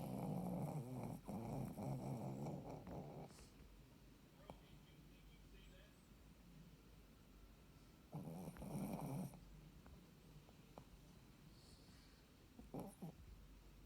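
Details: Low, rattling snorts in bursts over a few seconds, a quiet spell, then another burst, from a sleeping Shih Tzu lying with its eyes open; snoring in a small dog.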